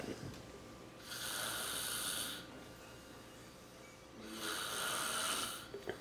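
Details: Sleeping adult man snoring: two long, loud, rough snores about three seconds apart separated by quieter pauses; heavy snoring.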